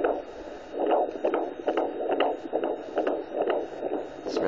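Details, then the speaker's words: Fast, whooshing rhythmic pulses through static from a home handheld Doppler with gel on a pregnant woman's abdomen, fetal sex not yet known; fetal heartbeat on Doppler. "so you guys are wondering what that sound is um that's the baby's heartbeat so i have a doppler that you put on your stomach"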